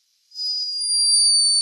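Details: Sleeping hummingbird recorded in Peru by a scientist: a thin, steady, very high-pitched whistling tone, its tiny but unmistakable snore.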